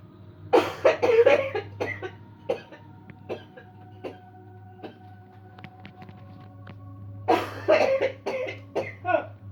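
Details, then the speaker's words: Bursts of repeated harsh coughing in two clusters, with quieter throat sounds and a low steady hum between, during a "cleansing-healing" coughing technique demo done without touch or pressure points; cough. "I feel another cough coming. I can feel it. Uh-oh, I can see more coming."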